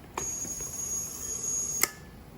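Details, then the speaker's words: Parapak plus 310 ventilator start-up: a steady high-pitched alarm tone bracketed by sharp clicks as the switch is turned from off to ventilate, a normal start-up alarm during set-up. "okay we're going to check our ventilator controls we're going to turn our switch from off to ventilate"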